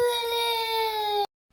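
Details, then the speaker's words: Young boy crying at 7:30 in the morning while asking for honey jujube (a sweet made from regi fruit): a sustained, high-pitched wail that slides slightly downward, then stops abruptly. "Hand bag అడిగి ఇంకా ఆ తర్వాత honey జిజిబిలేని ఏడుస్తున్నాడు చూడండి"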